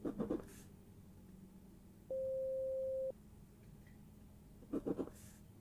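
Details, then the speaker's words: Simulated pure-tone audiometry in a soft-spoken hearing-test role-play: one steady pure beep about a second long between soft rustling sounds, with the listener told to raise a hand as soon as the sound is heard. "firstly I want you to raise your hand when you start hearing the sound as soon as you hear it start raise your hand"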